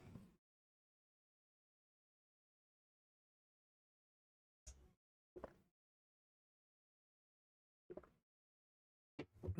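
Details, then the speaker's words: Five short, separate cough bursts with silence between them in a quiet room, from an adult recording a gaming video who turned away while coughing. "Okay. I hope I pressed that when I was coughing. I didn't actually check. I turned away. I hope I didn't cough in your uh your ears."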